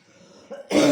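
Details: A single harsh cough burst after a brief throat sound: a stubborn, spontaneous persistent cough.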